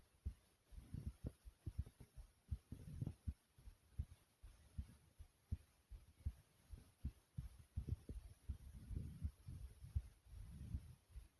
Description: In This Video I recorded my heartbeat over 3 minutes thumping pretty hard.